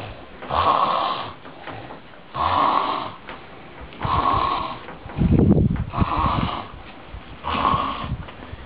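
Loud, regular rattling snores on each breath, about five in nine seconds, roughly 35 a minute, with a deep snort in between.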